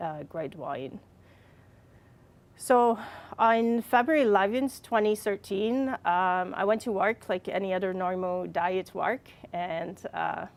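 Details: Adult with receptive and expressive aphasia and apraxia of speech from a brain injury caused by a fall, speaking more than four years after the injury; aphasia with apraxia of speech.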